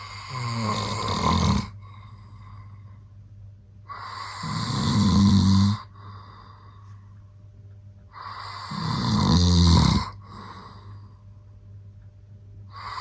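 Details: Adult man snoring during sleep, recorded without his knowledge: loud, rough snores repeating about every four seconds, roughly 14 breaths a minute.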